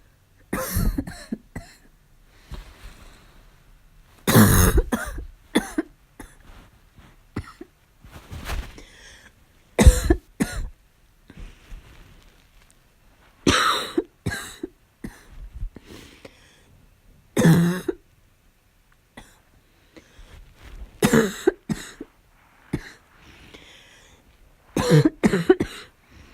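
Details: Person with a fall cold: harsh, explosive coughs recurring in single bursts and short clusters. Barking cough.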